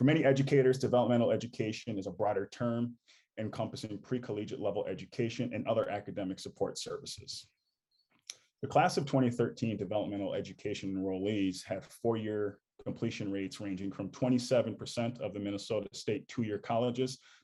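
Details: Adult male speaker; ordinary speech.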